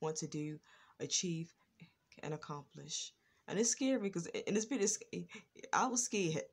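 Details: Adult woman with a lifelong stutter, worse in earlier years and now more controlled; stuttering.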